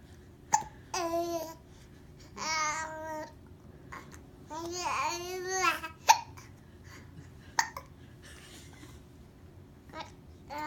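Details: Two people hiccuping together: sudden sharp gulping catches recur between voiced squeals and laughing sounds.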